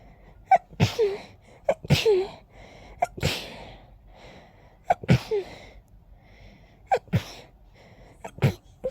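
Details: Sneezing fit after a whole day of itchy nose, attributed to pollen: a run of about six forceful sneezes, each with a sharp in-breath before the burst.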